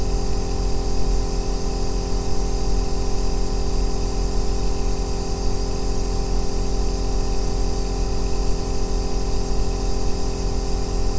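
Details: Aerosol nebulizer running continuously, recorded as ASMR white noise for sleep and relaxation: a steady, unchanging deep bass hum with a constant hiss.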